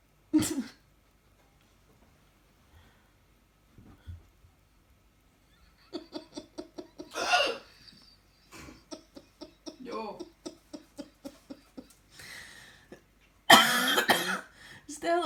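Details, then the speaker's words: Adult woman (a grandmother) with deliberately exaggerated hiccups: a rapid run of about a dozen short voiced hiccups with dramatic gasps and a loud cry-like outburst; hiccups. "that's just when she hiccups, darling. She over exaggerates everything."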